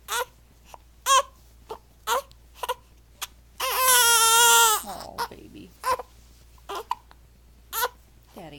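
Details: Nine-day-old infant, fussy and hiccuping again, gives short whimpering cries and one longer sustained wail; fussy infant cry.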